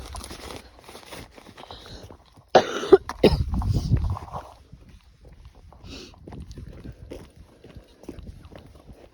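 Two or three loud harsh adult coughs, then a snort, amid outdoor walking noise and quiet talk; an ongoing cough.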